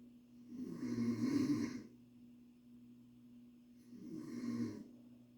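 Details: Adult woman (mother) snoring at 1 a.m.: two soft rattling snores about three seconds apart in a quiet room with a steady low hum; snoring.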